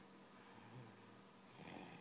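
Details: 17-month-old girl, sick: faint, rough, snore-like noisy breathing consistent with stridor from a narrowed upper airway.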